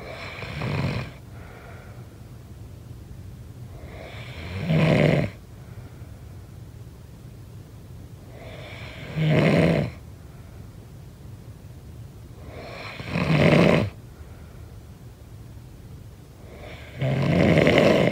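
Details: Snoring during sleep: regular harsh, rattling snores on each in-breath, about 14 a minute, with softer breathing between.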